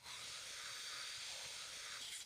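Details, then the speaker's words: Steady airy hiss of a Yankauer suction catheter moved along the gumline toward the pharynx clearing secretions in a nurse's oropharyngeal suctioning demonstration on a simulated patient; oropharyngeal suction. "insert the catheter into the patient's mouth moving along the gumline toward the pharynx apply suction and move the catheter around the mouth until all secretions have been cleared"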